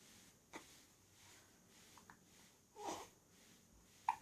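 Quiet room with a few brief, sharp, irregular catches in the throat, about three or four in four seconds; hiccups.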